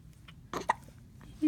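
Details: 10-week-old baby hiccupping: one short, sharp hiccup followed by a small squeak in a quiet room; infant hiccups.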